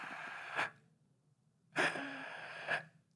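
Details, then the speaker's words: Two isolated harsh, snoring gasps with a long pause between, imitated by an emergency first-aid instructor; agonal breathing, a sign of cardiac arrest where the chest does not rise, not normal breathing, warranting compressions. "respiraciones agónicas eso hay que saber detectarlo una respiración agónica es"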